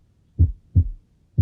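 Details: Normal heart sounds (S1 and S2).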